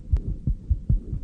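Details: Split heart sound.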